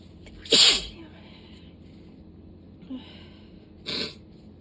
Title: 7/19 - start of a sudden sneezing fit!